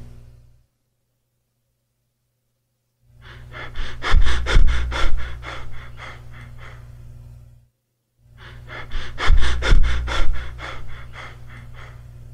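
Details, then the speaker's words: Cheyne-Stokes respiration, described as resulting from cardiac damage, demonstrated in a heart failure lecture: bursts of quick breaths gradually increasing then gradually decreasing, preceded and followed by periods of apnea. "however chain stocks pattern is gradual increase followed by gradual decrease and here's how it sounds like"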